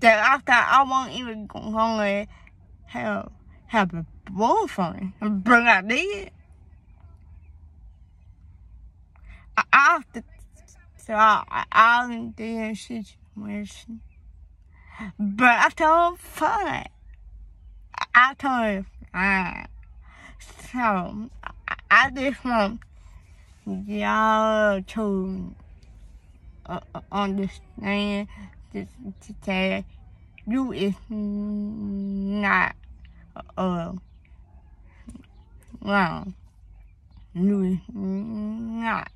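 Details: Young woman with a speech impediment and hearing loss (deafness), both beginning suddenly in third grade; cause not found by doctors, possibly linked to premature birth; daily speech therapy at school; finding: speech impediment.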